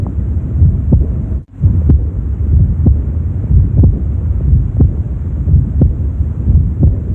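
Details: Aortic regurgitation murmur auscultated at the mid left sternal border, 3rd intercostal space, with a regular heartbeat near 60 per minute over a low rumbling background.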